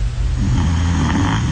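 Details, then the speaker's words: Adult man's snoring captured overnight by a snore-recording app; loud, rumbling, stop-and-start like a truck revving; girlfriend says he snores. "That one's pretty bad. So yeah, I snore a little bit. It sounds like you're moving snow or something, or a big truck, getting ready to rev up and go."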